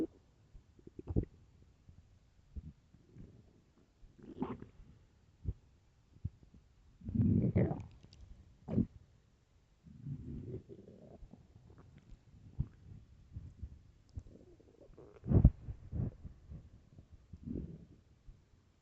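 Low rumbling, gurgling and squeaky bursts come and go, loud stomach growling from an empty stomach.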